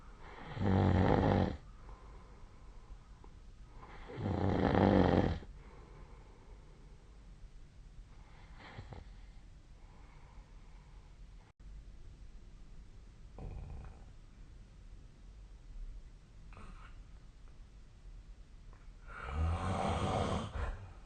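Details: Adult snoring during sleep: loud, rough snores at irregular intervals with quieter breaths between, over a steady room hiss.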